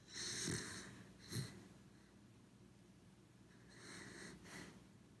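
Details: Corgi dog asleep, with soft snorting, rattly breaths in and out; ordinary sleep snoring.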